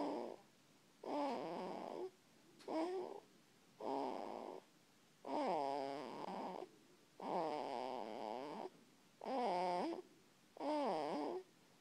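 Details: Snoring in a sleeping cat: rhythmic nasal, squeaky whistling sounds with each breath, about eight breaths in 12 seconds.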